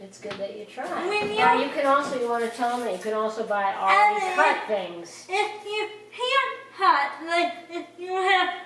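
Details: Adult woman speaking, possibly to a child; ordinary speech.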